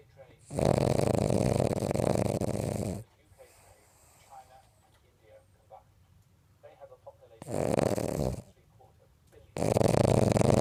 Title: Snoring dog